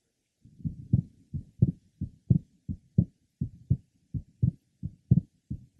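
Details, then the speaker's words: 21-year-old man, third left sternal border: second sound split on inspiration, closely split or single on expiration, with an innocent grade 2 systolic murmur. "did you hear the innocent grade 2 systolic murma let's listen specifically for it"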